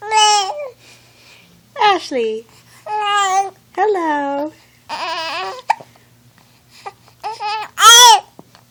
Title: 8week coos and hiccups